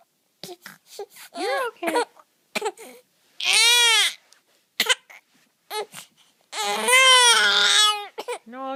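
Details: Infant with persistent hiccups fussing and crying in short bursts, with two long wailing cries, in a quiet room.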